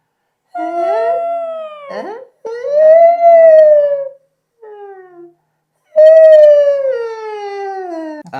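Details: Male touring singer, recently ill, sings a pitch glide into falsetto with the scope in and tongue out during laryngeal stroboscopy; a tiny fullness on the vocal fold edge was found, with full fold closure.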